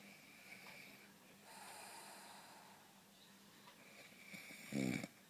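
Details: Mother snoring in sleep: quiet breathing in a room, then a short, rough, rattling snore near the end.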